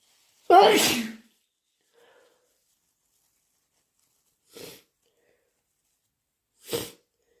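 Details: Deliberately induced sneezes and nose blows: one loud wet sneeze followed by two short, hissing nose blows or sniffs in a quiet room; sneezing.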